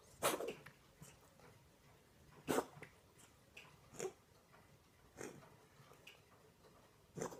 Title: Patches coughing